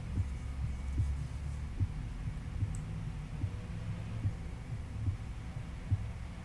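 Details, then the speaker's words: Normal heart sounds auscultated with stethoscope diaphragm at the pulmonic area, left sternal edge second intercostal space, patient reclined 30–45 degrees: regular low sounds about 73 a minute with distinct second sound of pulmonic valve closure. "next move to the pulmonic area which is on the left sternal edge of the second ICS here again you can clearly distinguish the second heart sound which represents the pulmonic valve closure"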